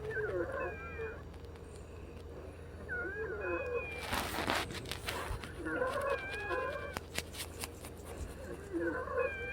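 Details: Whistling, musical wheezes rising and falling with each breath, about every three seconds, in a female patient about three hours after a Brovana and Pulmicort breathing treatment; lung sounds described as stuffy: wheezing.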